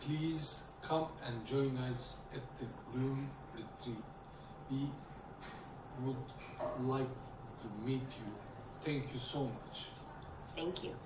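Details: Stroke survivor with aphasia who finds reading, writing and speaking difficult and could not communicate after the stroke; aphasia.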